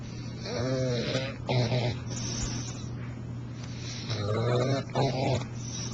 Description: bulldog snores,funny!